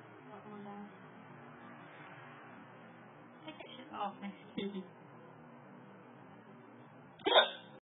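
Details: Hiccups: a few short, abrupt vocal catches in a quiet room, the last one loud and sharp.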